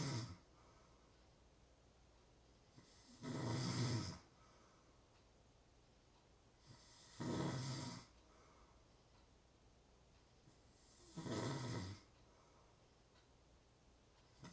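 Three regular rasping inhaled snores about every four seconds, roughly 15 breaths a minute, with quiet pauses between: snoring.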